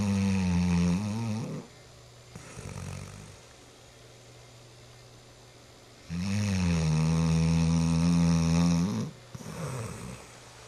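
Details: A nine-month-old dog snoring like an old dog: two loud, long, droning snores on the in-breath, separated by quieter breathing.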